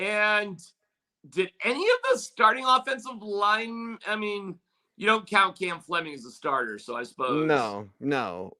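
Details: Adult man speaking; typical speech.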